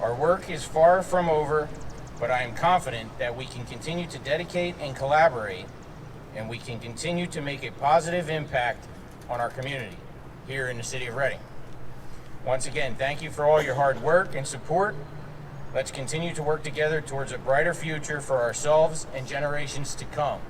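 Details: Adult speaker; Typical voice.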